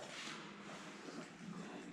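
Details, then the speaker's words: Female pug, a brachycephalic breed, during grooming: continuous rough, snorting breath noise from breed-related airway problems, not from the loose collar, typical of obstructed upper-airway breathing. "pug girl, and the reason why she's breathing like that is not because of this. You see, this is very loose, it's not choking her, it's just that this breed has a lot of breathing problems."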